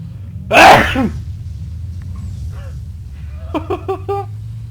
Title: Epic Sneeze shot